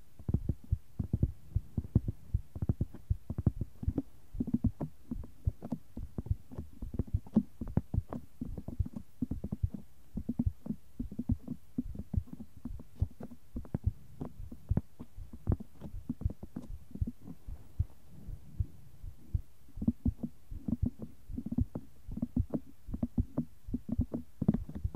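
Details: ASMR heart sound: low, muffled heart thumps picked up against the chest in one ear, with soft brushing and tapping in the other ear: heartbeat.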